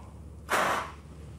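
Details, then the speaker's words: Adult demonstrating a peak flow meter with new mouthpiece after a deep breath in: one short, sharp, forceful blow lasting about a third of a second, reading 640 L/min; correctly performed peak expiratory flow manoeuvre. "we've got a new mouthpiece on and i'm going to take a deep breath in"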